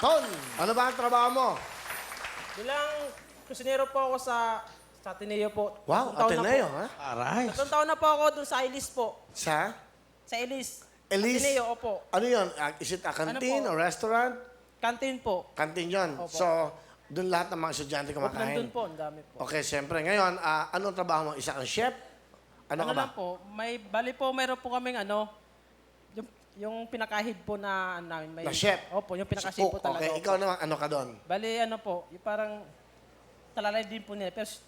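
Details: Adult man, a cook, whom his wife describes as unable to pronounce words clearly, e.g. saying 'chef' as 'chip'; speaking Tagalog; articulation disorder (speech sound errors).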